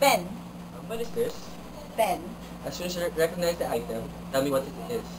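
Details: Adult clinician speaking; normal speech.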